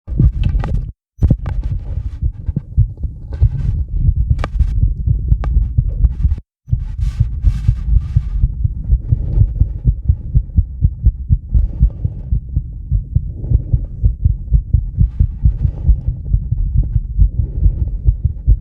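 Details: Adult's heart sounds via microphone on the chest with live 10-lead EKG, after about 2 minutes of rebreathing from a bag to induce mild CO2 buildup: sinus tachycardia, rapid regular thumps around 125–140 bpm.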